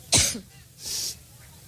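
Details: Adult woman speaking at a Labor Day rally in Cleveland, who attributes her coughing to allergies: one harsh cough burst then a breathy exhale over hall noise, part of a coughing fit.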